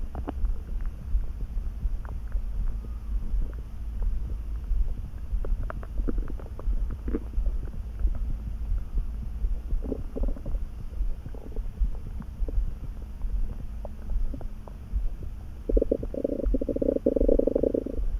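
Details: Sudden stomach rumbling while neither hungry nor too full: low steady rumble with scattered gurgles, then a louder gurgling growl near the end; ordinary stomach rumbling (borborygmi).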